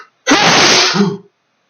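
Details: Male sneezing fit triggered by chinchilla dust baths: one loud, explosive sneeze with a voiced tail in a quiet room.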